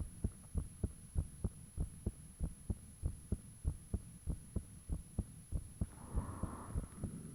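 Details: Self-recorded own heartbeat with fan off, taken shortly after heart began feeling unusually thumpy; steady clear thumping about 100 a minute, brief soft rushing near end. Heart sounds.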